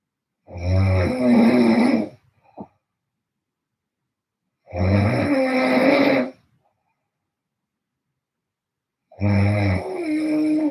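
Three loud, deep, buzzing snores with silent pauses between, about 14 a minute: heavy snoring.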